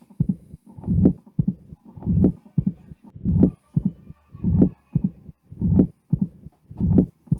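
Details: Patient with severe mitral stenosis and atrial fibrillation, heart auscultation at about 50 a minute: loud first sounds and a low rumbling diastolic murmur without the presystolic accentuation; mitral stenosis murmur.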